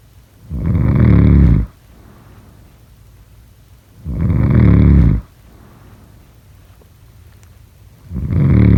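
Loud, low, rattling snores on each breath in, about 16 a minute, with quiet pauses between: snoring.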